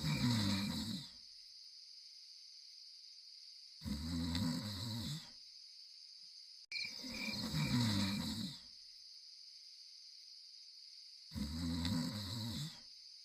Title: Sleeping and Snoring